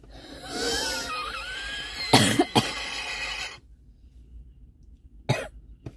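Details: Adult who says they are unwell: a drawn-out, wavering, croaky vocal sound, then a cluster of three harsh coughs, a pause, and two more short coughs.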